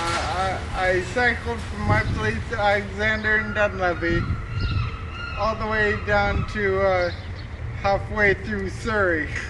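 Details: Adult man with an ataxia of unknown type that progressed, with gradually more slurred speech and unsteady walking with loss of balance: ataxic dysarthria.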